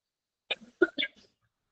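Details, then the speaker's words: Adult woman teacher with a mild cough during a live class, worse in the fan season: a quick run of three short, sharp, explosive coughs in a quiet small room; cough. "ഇത്തിരി ചുമയാണ് അതുകൊണ്ടാണ് ബുദ്ധിമുട്ട് കേട്ടോ പറഞ്ഞു തരാനായിട്ട്"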